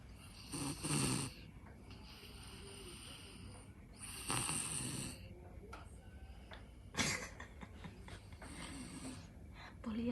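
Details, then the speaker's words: A man snores in sleep: rough, rattling breaths about three in ten seconds, with room noise and a little quiet talk. "abang. Ngorok abang. Ya, abang ngorok."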